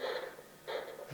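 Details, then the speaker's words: Two pulsing whooshes from a handheld Doppler over a foot artery: normal triphasic arterial signal. "Physicians tool clinicians tool can you hear the triphasic sound it's over the ril Tre no"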